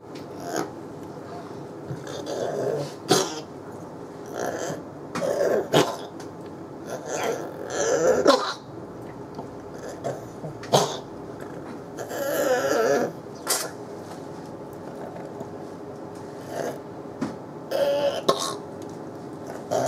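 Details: 9-year-old female Yorkshire Terrier with 1.5-month history of severe stridor on exertion from primary tracheal collapse: repeated harsh, honking, cough-like noisy breaths.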